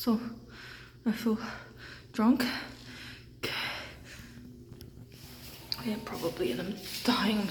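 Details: Adult feeling drunk and tired at 3 a.m. after a birthday party: repeated sudden short voiced gasps, about four in seven seconds at uneven intervals, with quiet breathing between; hiccups.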